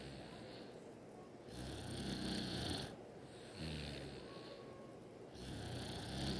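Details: Sister asleep: loud rattling snores with noisy breaths in and out in long cycles; snoring.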